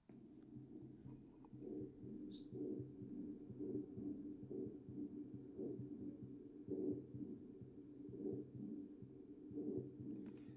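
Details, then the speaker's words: Normal bronchovesicular breath sounds over primary bronchi regions: moderate, medium-pitched rustling with equal 1:1 inspiration and expiration, plus audible heartbeat underneath. "so that sounds gonna be moderate and sound medium pitch you might have a little bit of rustling there so over those regions you're gonna hear a one to one ratio you'll hear inspiration and expiration kind of appreciated similarly"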